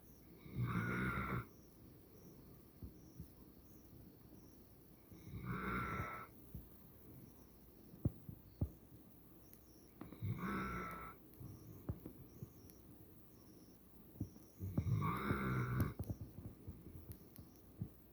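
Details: A sleeping pet snores in slow, regular bursts, about four in eighteen seconds, with faint insect noise in the background.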